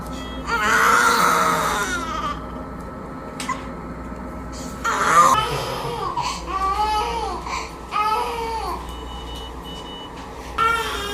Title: Baby Wakes Up from Anesthesia after Cleft Lip Repair Surgery: 4-Month-Old | Extubation Video.